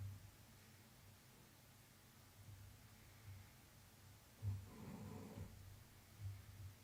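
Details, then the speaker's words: A pet ruby Cavalier King Charles spaniel, asleep in the background of a quiet room, snores with soft, low rumbles about once a second; ordinary canine snoring. "If you can hear that snoring in the background, by the way, just in case you missed it before, that's Monty, my ruby cockaleer. He's in the land of milk and honey."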